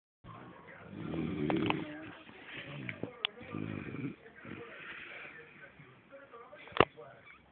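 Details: Man sound asleep, snoring loudly "like a pig": low, rumbling, snorting snores mixed with room noise and some background talk.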